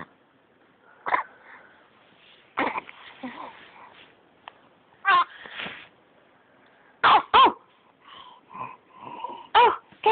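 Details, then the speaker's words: An infant gives several short, sharp coughs separated by pauses, with soft baby vocal sounds between them; an adult caregiver calls it a terrible cough. "Oh no, poor baby! Poor baby! That's a terrible cough!"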